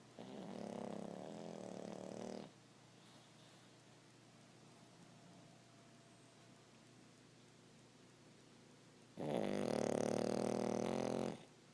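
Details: Two long rattling snores separated by a quiet exhale pause from Kona, an 8-year-old dog in deep sleep; ordinary sleep snoring.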